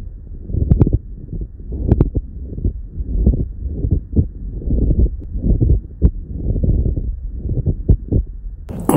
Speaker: Les frottements pleuraux, c'est lorsque deux feuilles se frottent l'un contre l'autre comme du cuir.